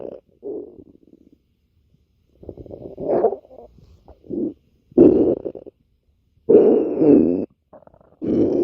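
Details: Irregular low gurgling and rumbling bursts of stomach growling with brief quiet gaps; borborygmi.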